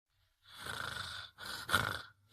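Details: Sleeping dog gives two loud, rough, rasping snort-like breaths in quick succession; snoring.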